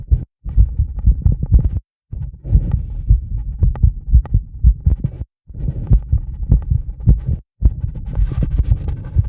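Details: Sinus tachycardia at about 130–140 bpm, recorded with a microphone directly on the chest of an adult connected to a 10-lead EKG, after about 2 minutes of rebreathing from a bag to induce mild CO2 buildup; rapid, regular low thumps.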